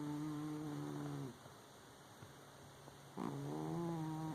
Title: Snoring Cat